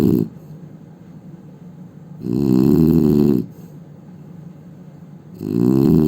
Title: Indian man snoring sound